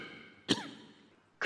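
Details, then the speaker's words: Repeated coughing by the Chinese Communist Party General Secretary during a live televised speech at the Shenzhen Special Economic Zone 40th-anniversary ceremony; the first cough came about 44 minutes in, a second roughly a minute later. "중국 공산당 총서기가 연설 도중 여러 차례 기침하는 모습을 보였습니다"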